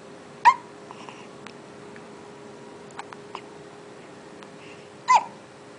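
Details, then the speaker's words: One-month-old baby boy with hiccups: two short, sharp hiccup sounds about four and a half seconds apart in a quiet room with steady background hum. "You got the hiccups."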